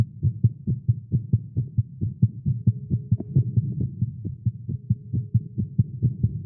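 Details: Fast heartbeat in a male during exercise after caffeine: rapid, strong, low thumping beat at about 130 beats a minute with slightly uneven spacing (tagged as irregular heartbeat).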